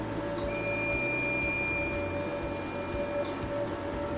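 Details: 60 W metal-tube CO2 laser machine demonstrated in pulse mode: steady high electronic tones with a faint hum; CO2 laser device tones.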